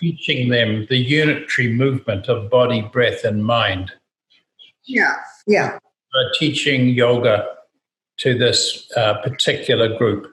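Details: Adult male speaker; normal speech.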